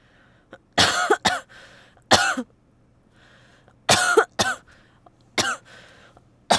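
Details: Cold with headache and heavy sweating; tonsillitis was first suspected but ruled out: several sharp coughs in pairs, each a burst followed by a shorter one, with quiet breaths between.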